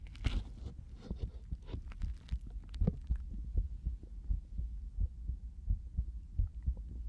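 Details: Whispering and tapping first, then soft regular low thumps at about 86 beats a minute heard through a stethoscope from about 4:43; an ordinary heartbeat in a binaural ASMR stethoscope recording.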